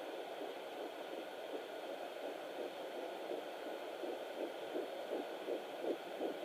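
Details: Fetal heartbeat at 7 weeks 6 days of pregnancy on a home fetal Doppler: rapid, faint whooshing pulses through steady Doppler hiss, clear from about 0:30 and reaching about 160 beats a minute.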